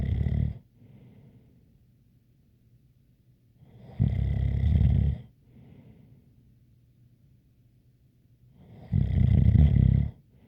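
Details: Loud rumbling snores on each in-breath with a light whistle and quiet breaths between: ordinary snoring with a light whistle.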